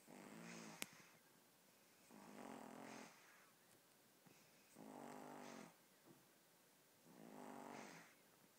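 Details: 15-week-old puppy fast asleep: soft, steady snores, about one every two seconds, in a quiet room; gentle snoring.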